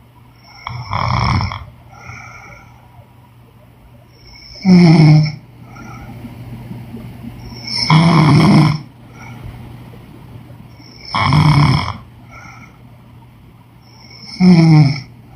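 Loud rattling snores on each in-breath, five in 15 seconds, about 19 breaths a minute: snoring.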